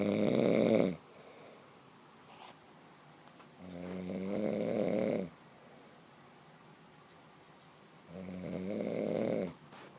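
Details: Snoring: three loud, rattling snores on breathing in, about every four seconds (roughly 14 breaths a minute), with quiet breathing out between.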